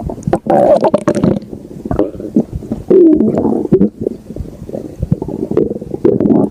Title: Stomach Growling